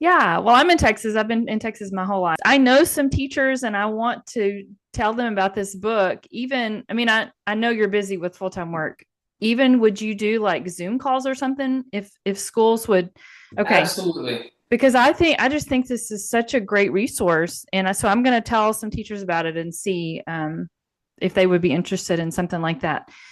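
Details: Adult woman speaking; fluent conversational speech.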